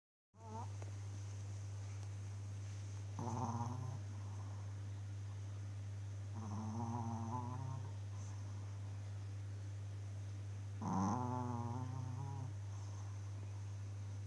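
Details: Snoring: soft nasal snoring sounds, three breaths heard, under a steady loud electrical hum.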